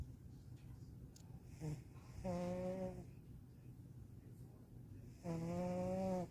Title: kitty snores